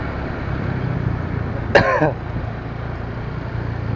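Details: A single harsh cough from a person sick with flu and cough who keeps working, recorded while riding on the road with steady traffic noise from the moving vehicle.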